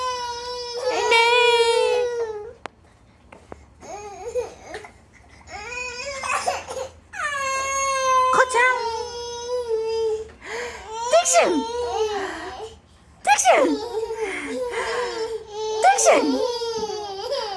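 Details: Twin infant boys crying at the same time, loud wailing bursts with brief pauses and an adult's voice between; ordinary crying.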